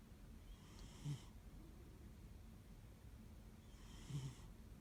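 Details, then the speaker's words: Male pet cat that snores every time he falls asleep: in a quiet room, two soft, raspy snoring breaths about three seconds apart. Cat snoring. "Does anyone else's cat snore like this? Just snoring away. He's like a little baby."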